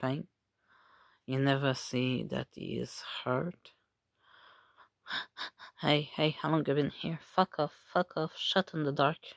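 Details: Person with Tourette syndrome with simple and complex tics, echolalia, palilalia and coprolalia, plus comorbid functional neurological disorder and OCD; involuntary swearing and repeated phrases; vocal tics with coprolalia (Tourette syndrome).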